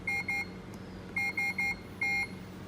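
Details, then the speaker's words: Repeated high-pitched alarm beeps in short bursts from a Puritan Bennett 560 ventilator as the pressure is raised, signalling a proximal pressure line occlusion, possibly from the resistance of an HME filter. "y ahí sale un problema de oclusión del problema de la presión proximal."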